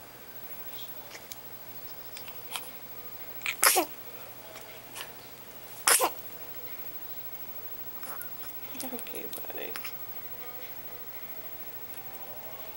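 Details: A baby boy's first recorded sneezes, which surprise him: two loud, explosive sneezes a couple of seconds apart, with faint room sounds and a brief voice in between.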